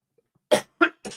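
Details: Adult with a persistent dry cough, coughing during a livestream; dry cough.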